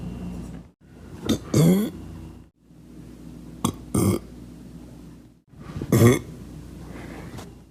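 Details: Young male, deliberate burping: three loud, gurgling burps with quiet room noise between them.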